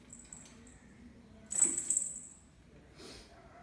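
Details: A sudden, sharp, hissy burst and then a softer second puff of air from a cat, against quiet room noise: a cat sneeze.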